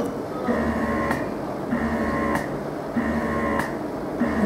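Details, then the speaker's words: Malish Ilaria double electric breast pump in expression phase, after the faster, lighter stimulation phase: motor hums and whines in steady, slower, deeper suction cycles of about 48 a minute, like mid-feed infant suckling. "nampak pergerakan niple tu dan suction dia lebih perlahan dan mendalam. Sama seperti semasa bayi menyusu di peringkat pertengahan penyusuan."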